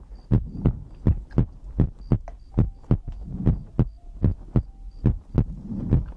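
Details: ASMR compilation of the creator's own heartbeat for sleep: regular paired heart sounds at roughly 95 beats a minute over soft low rumble and faint ticking; normal heartbeat.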